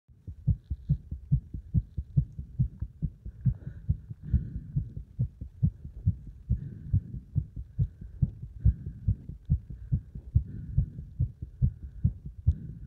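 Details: Rapid heartbeat after hard exercise combining burpees and squats: fast, strong, regular heartbeats at roughly 140 a minute.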